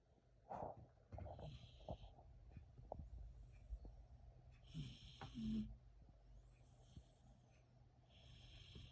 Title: Peacefully #snoring #puppy #shepsky #dog